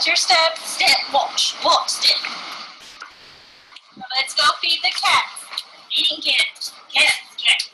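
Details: Person with transcortical sensory aphasia, unable to understand spoken language and repeating back what is said; recording may mix caregiver's and patient's voices; echolalia (transcortical sensory aphasia).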